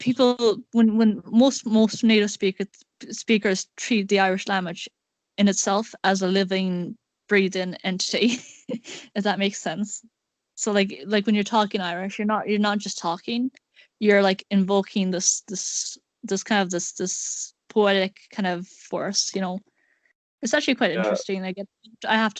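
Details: Male speaker with a self-described awful stutter, repeating words; stuttering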